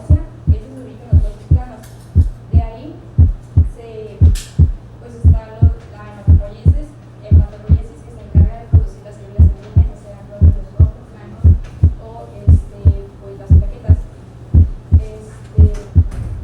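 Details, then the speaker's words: Simulated heartbeat at about 58 a minute with a normal split first heart sound heard beside the sternum: a softer first component followed by a sharper, louder second one. Faint background music and talk. "junto al esternón, el desdoblamiento consiste en un primer componente menos intenso, seguido de un segundo componente algo más agudo y de mayor intensidad."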